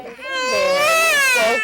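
A toddler cries loudly in a sustained, high-pitched wail with a rising and falling tone, a distressed cry during a blood draw, in a small room.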